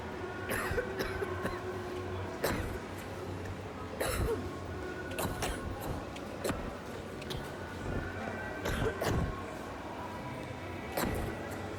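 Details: Cough.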